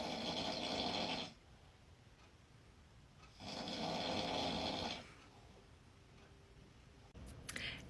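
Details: Adult husband asleep after date night: two long, loud rattling snores about two seconds apart with quiet pauses between, in a small room; ordinary heavy snoring.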